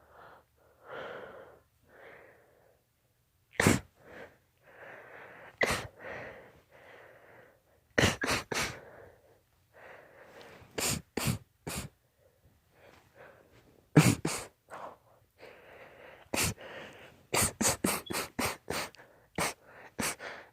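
Rapid run of many sharp sneezes, often in quick doubles and triples, with brief breaths in between; a sneezing fit.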